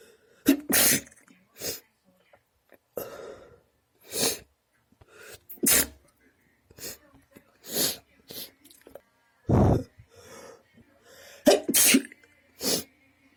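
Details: Sneezing fit: a long run of about a dozen sharp, explosive sneezes in quick succession with short quiet gaps between.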